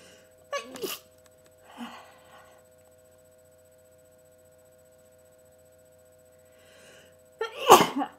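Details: Person with a cold, unstifled sneezes: two forceful sneezes, each preceded by a short in-breath, separated by quiet, faint steady background hum; sneezing.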